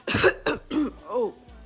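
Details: Three quick, forceful coughs in a row, then a short voiced throat sound, from an adult with chest congestion who has been ill for about four days with a hoarse voice: cough.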